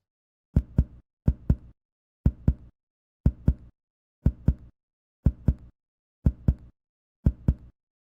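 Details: Chest percussion note in a respiratory and lung physical assessment demonstration, done after palpating for symmetry and thoracic expansion.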